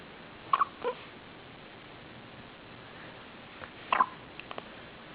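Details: Hiccups recorded 2008-08-08: two brief, sharp, faint catches about three seconds apart in a quiet room.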